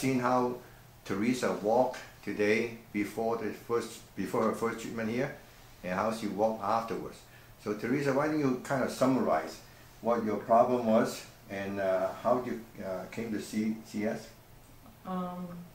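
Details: Adult male clinician speaking; normal adult speech.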